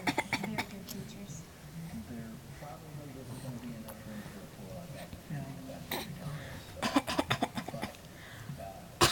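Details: Young child's voluntary fake coughs, encouraged by his mother: short, deliberate bursts with quiet room sound between.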